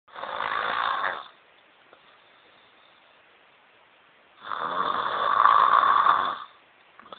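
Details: Two long, harsh, rattling snores on inhalation with quiet pauses between, from an adult woman asleep; snoring.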